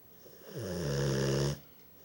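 One long, deep, rumbling snore on an in-breath.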